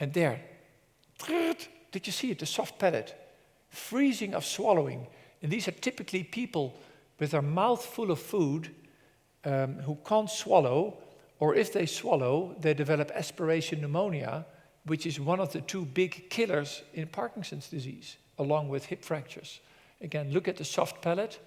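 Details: Adult male presenter; normal speech.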